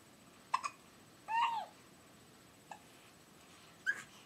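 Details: Infant practicing new sounds: several short, sharp hiccups a second or so apart, with a high-pitched squeal between them. Hiccups.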